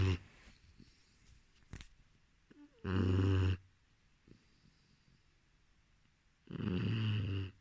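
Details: Boxer puppy snoring while asleep: two loud, rumbling inhalation snores about four seconds apart with soft breathing between, in a quiet room.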